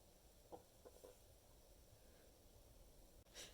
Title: a few stifled sneezes